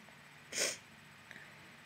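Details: Wet sneeze: one loud, explosive sneeze with a hissy spray of air, then quiet room noise.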